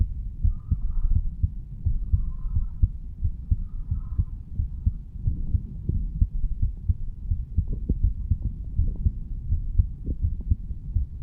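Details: 35-year-old man standing up, heartbeat recorded at the mitral/bicuspid valve area: soft, regular low thumps under a steady low rumble and handling noise; normal heart sounds.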